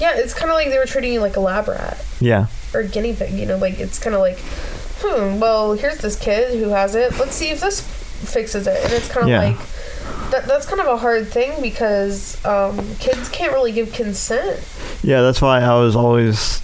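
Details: Adult speaker; typical speech.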